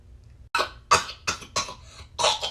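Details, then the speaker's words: Acted role-play skit: a child playing a restaurant customer gives five short, sharp, simulated coughs in quick succession in a small room; cough. "Baby girl, you ain't better do all this coughing over here, because I know the coronavirus is around, so you might as well go ahead and get out this restaurant."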